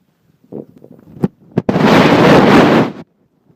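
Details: Hungry stomach: low bubbling gurgles and a couple of sharp pops, then a loud, rough rumbling surge lasting over a second; borborygmi (stomach growling).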